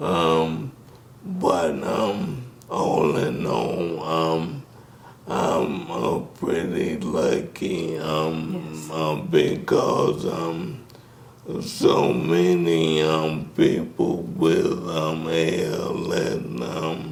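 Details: Dysarthria in a man with ALS diagnosed in 2020; symptoms began in 2017, with the disease first affecting his speech, starting with a raspy voice.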